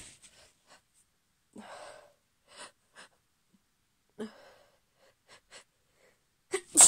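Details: Female holding back sneezes: several soft, stifled breathy bursts and catches of breath, then a louder sneeze at the end. Sneeze.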